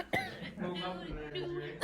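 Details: A single abrupt cough followed by a drawn-out voiced, throaty sound, with another burst starting at the end, from a student in class wanting a cough drop.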